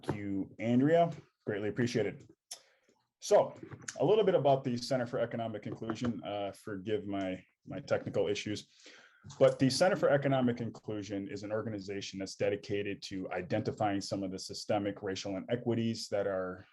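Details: Adult male speaker; normal speech.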